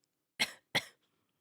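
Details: Two short, sharp coughs in quick succession, then quiet, from a live gaming streamer who reports a sore throat and thinks she may have flu; cough.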